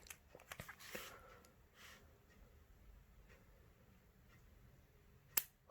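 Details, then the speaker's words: Spring-loaded lancet pen set to level five fired into the middle of a girl's thumb for a fingerstick blood glucose test, after a shallower first attempt: faint handling clicks, then one sharp snap; she called it just a little prick. "oh look that was a bit more prick there there we go okay was it sore no it's just a little prick"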